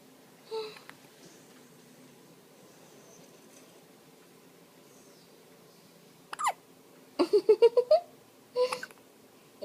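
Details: An infant's first hiccups: a few short, sharp hiccups, some followed by a quick burst of small vocal sounds.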